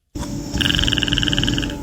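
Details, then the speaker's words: A rapid, rhythmic clicking rattle over a low breathy rumble, like a fluttering croak, from a sleeping woman's unusual snore likened to the Predator sound; the uvula is suspected as the source. Finding: snoring. "I can't even I can't even mimic that noise cuz like you can mimic a snore like yeah but you can't yeah yeah let's hear the let's hear The Predator"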